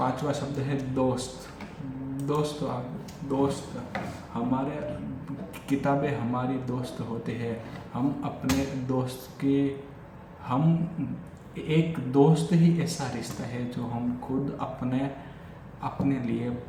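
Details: Adult male who has stammered since childhood, speaking spontaneously in Hindi during daily stammering practice; repetitions of words and phrases — stuttering.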